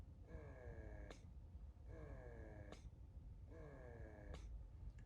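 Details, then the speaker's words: A new mother using an electric breast pump for the first time because of milk leakage: a repeating motor cycle about every 1.6 seconds, a rising whine then a click as suction releases; electric breast pump running. "Okay guys, we are going to try to use the breast pump for the first time guys. This is the first time I'm going to use it."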